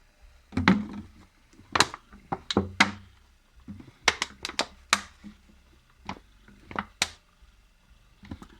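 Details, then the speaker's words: Homemade DIY ventilator with a windshield-wiper motor squeezing a soft silicone AMBU resuscitation bag in repeated cycles, set for larger breaths; mechanical clunks and squeaks of manual ventilator bag squeezing. "Obviously the ambo bag is much softer because it's made out of silicone, and there it goes."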